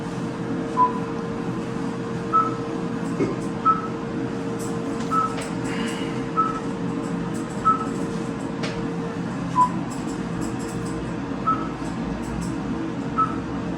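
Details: Slow, steady monitor beeps, about one every one to two seconds, over room hum and clinic noise: the anaesthesia monitor of an anaesthetised, big-chested dog taking very slow breaths during canine tooth reconstruction.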